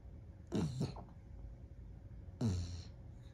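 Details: Small dog sleeping on his back; two soft, snorting breaths with a faint whistle in a quiet room; gentle snoring.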